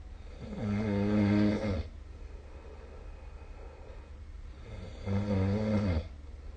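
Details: Snoring recorded with the SnoreLab app during sleep: two loud, rattling, buzzing snores on the in-breath separated by a quiet out-breath, from vibrating soft tissue of the throat.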